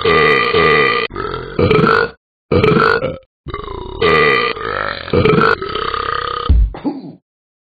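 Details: Simulated burping by the Talking Ben cartoon-dog app: a string of long, voiced, tonal burps shaped into the sung letters of the ABCs; deliberate belching.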